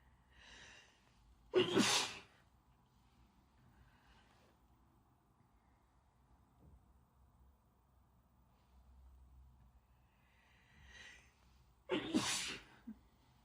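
Two sneezes about ten seconds apart, each with a quick indrawn breath and then a sharp explosive burst, in a quiet room.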